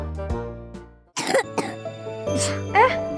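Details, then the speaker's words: Acted cough in a children's cough-medicine advert: a child with a flu-like cough and fever gives about four short, wet-sounding coughs over light background music. "adik kenapa? Adik batuk flu ya? Badannya panas."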